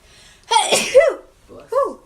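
A woman's voiced sneeze with a sharp burst, followed by a brief vocal sound; an ordinary sneeze.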